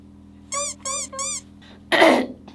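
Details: Cough or sneeze during a K-pop group live broadcast, tagged as a sneeze: three short, high, squeaky vocal sounds, then one sharp, noisy burst amid quiet room hum.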